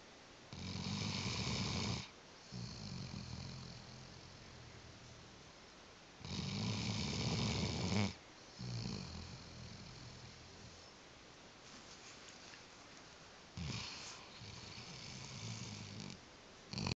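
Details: Dog rescued 9 years earlier, asleep on a bed, later diagnosed with T-cell lymphoma: loud rattling snores on the in-breath, three in 17 seconds, with quiet out-breaths between; snoring.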